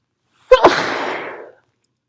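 A single forceful sneeze: a quick sharp intake, then an explosive burst that trails off over about a second.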